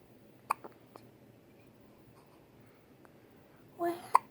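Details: Infant in the hospital with soft, sudden little catches a few seconds apart in a quiet room: infant hiccups.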